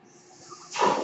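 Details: Adult man using a mechanical ventilator while speaking: a low, quiet background hush, then a sudden loud airy hiss as the ventilator delivers a breath. Mechanical ventilator breath cycle.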